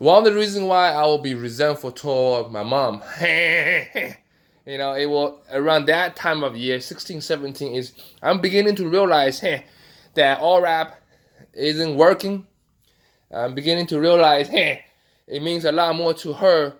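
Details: Vocal tics in an adult man with Tourette syndrome, including a loud throat noise and repeated 'hey' interjections; he also has facial tics and had coprolalia as a teenager.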